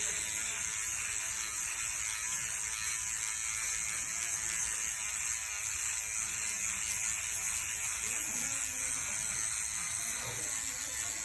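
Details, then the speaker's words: Steady high-pitched electric buzz like an electric toothbrush from a motorized microneedling pen running continuously during a woman's first facial microneedling treatment; she reports feeling nothing. "it sounds like my toothbrush it does doesn't it it does"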